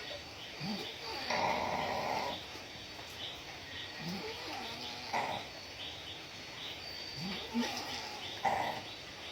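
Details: Drunk adult sleeping and snoring loudly: rough, rattling snores over several breaths in about nine seconds.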